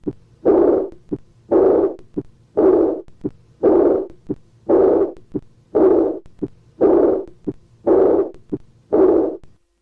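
Regular beats at about 57 a minute, each followed by a loud blowing sound filling systole: a pansystolic murmur of mitral regurgitation.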